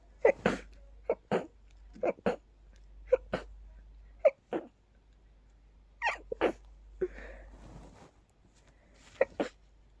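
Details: Rapid sneezing fit attributed to pollen, initially stifled, with watering eyes and nose growing stuffier each sneeze; repeated sharp sneezes in quick succession, each preceded by a brief intake of breath, in a quiet room.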